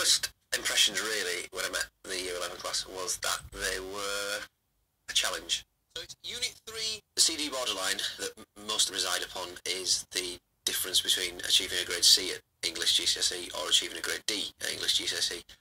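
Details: Adult male speaker; Normal fluent speech.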